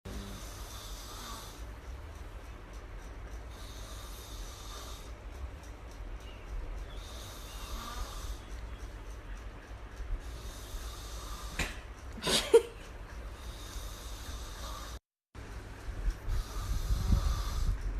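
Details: Giian recorded snoring by a singer: rough, rattling snores on each breath, about 20 a minute, with a brief gap and faint room noise; ordinary snoring.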